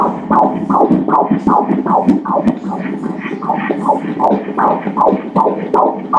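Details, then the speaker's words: Fetus at 13 weeks 3 days of pregnancy during ultrasound, mother's third child: fast, regular whooshing Doppler pulses at 157 beats a minute, a normal fetal heart rate for early pregnancy. "the frequency 157 the frequency of the heart, the heartbeat varies more in the beginning of the pregnancy it is a little faster it goes at 160, 170 it is in this higher range, above 150"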